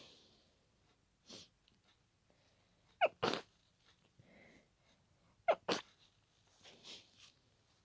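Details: Person stifled a sneezing fit after a tickling nose, keeping quiet while sharing a room: two pairs of short, muffled, closed-mouth bursts with quiet breaths between; stifled sneezes.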